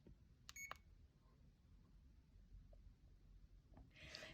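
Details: CADD pump in PCA mode being programmed for a morphine or midazolam cassette: a short pair of electronic keypad beeps and a few faint clicks in a quiet room.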